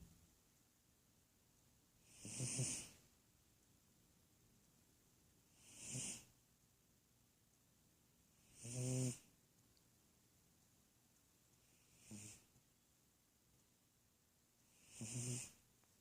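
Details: Five soft snoring breaths at about 19 a minute, each a brief low rattle with a nasal whistle, ordinary snoring.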